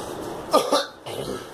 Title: Girl coughing